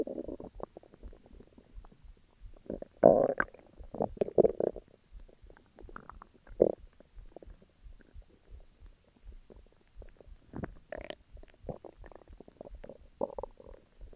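Low gurgling and rumbling bursts from the belly, ordinary stomach growling.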